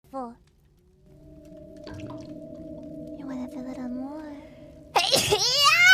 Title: Sneezed collection#57-59